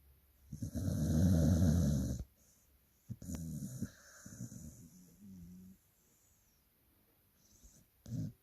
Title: Dogs loudest snore 🐕👃#doglover #dog #snore